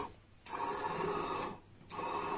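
Rhythmic mechanical whirring from an emergency ventilator, with pump strokes alternating with quieter pauses.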